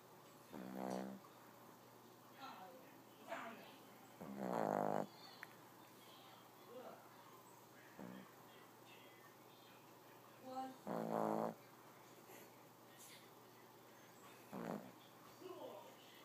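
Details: Male asleep: soft, quiet snoring sounds at irregular intervals, some longer and vibrating, over faint room noise; snoring.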